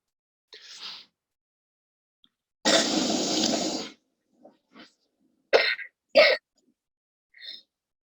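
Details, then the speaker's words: Harsh noisy breaths and short barking cough bursts from a child with an airway foreign body, with biphasic stridor in both respiratory phases; a tracheal-type cough. "lo que yo les decía de El estridor de tipo bifásico fíjense que tiene los dos tiempos respiratorios con una tos de tipo traqueal"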